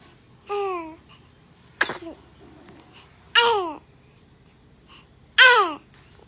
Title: The Most Adorable Baby Sneeze Moments